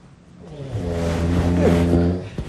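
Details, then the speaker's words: Loud dinosaur-type snoring in a segment on sleep apnea, judged severe and very loud: a single low, rattling snore that builds and fades on one in-breath. "怎么会不严重？这个严重。还有哦，又来小小的、细微了。这是恐龙的吧？护师，不过其实当然这个声音算是非常大哈。"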